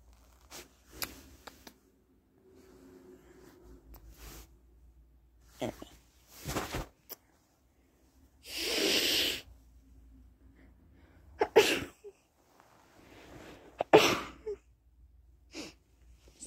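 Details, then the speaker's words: One loud forceful sneeze amid quieter sniffs and breaths from an adult who feels horrible with a cold, possibly flu. "i can't really tell if it's a cold it might actually be the flu because i feel i feel horrible"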